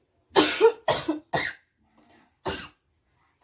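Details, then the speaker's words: Simulated nursing-training role-play of an effective cough exercise with a female patient: she breathes in with the abdomen, holds two seconds, then coughs twice to clear secretions; four short, deliberate dry voluntary coughs with a faint breath between. "Nanti kalau sudah tarik nafas ditahan dulu 2 detik, nanti akan saya instruksi untuk berhentinya. Kemudian Ibu batukkan 2 kali."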